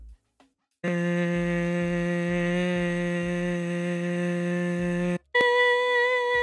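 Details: Normal pitch change with vocal fold length in a lecture demonstration: cricothyroid lengthening of the folds raises pitch, thyroarytenoid shortening lowers pitch.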